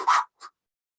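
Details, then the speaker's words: Human imitation of a bear's defensive huff: two quick, forceful breathy exhalations, the bear signalling it is upset or nervous at someone too close. "and again you could hear it if you're close enough there you're going to hear this huffing again that bear is telling you i'm upset i'm nervous with your you being too close to me"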